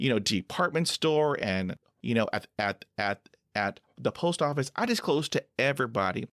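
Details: Adult man who stutters; stuttering.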